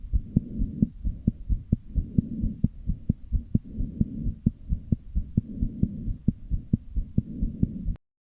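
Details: Rapid heartbeats with a steady whooshing noise filling the gaps between them and slightly uneven spacing: a heart murmur with an irregular rhythm (arrhythmia).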